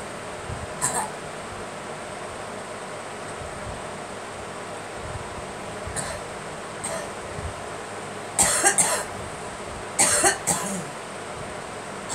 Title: Girl coughing